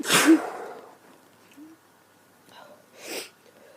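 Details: One loud explosive sneeze, quiet breathing, then a second softer sneeze from a woman with a bad cold and sneezing fits; sneezing.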